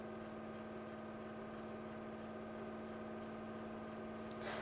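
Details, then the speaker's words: Diode laser hair removal machine firing trial shots on a man's shaved, cooling-gel-covered face during beard removal treatment; steady machine hum with a regular high beep about three times a second. "Okay, now we take a couple of trial shots. And we will see how it turns out to be."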